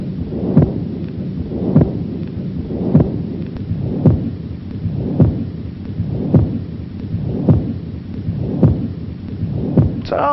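Regular heartbeats, about 53 a minute, with a rumbling murmur that swells and carries on between beats without stopping: a continuous machinery murmur of patent ductus arteriosus.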